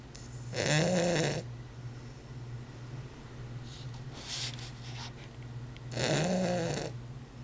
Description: Elliot the super snoring Weimaraner :)